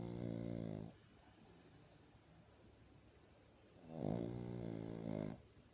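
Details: Pug, a brachycephalic dog, asleep on its owner and snoring into the owner's face: loud, buzzing snores, two long inbreaths separated by a quiet pause.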